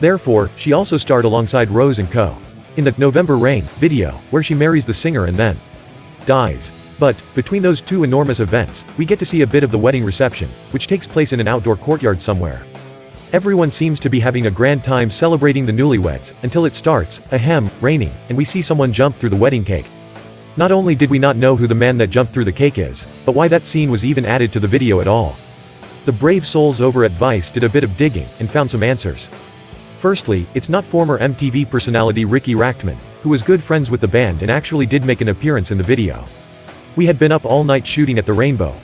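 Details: Adult male narrator with background music; ordinary fluent speech.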